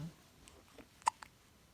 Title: 7 weeks old baby boy hiccup and asking for milk